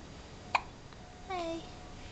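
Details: One sharp, brief hiccup click, then a short whimper over steady room hiss from a one-week-old infant; newborn hiccups.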